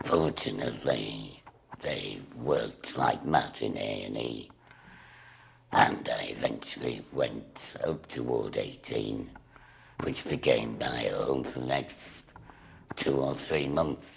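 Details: Woman with a laryngectomy speaking through a voice device/valve, here working fully successfully for the first time; alaryngeal (tracheoesophageal) speech after laryngectomy.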